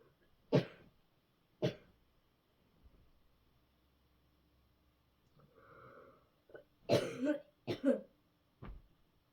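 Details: Person coughing hard in bed: six harsh, forceful coughs in separate bursts with a quiet breathy sound between them in a quiet room, hard repeated coughing.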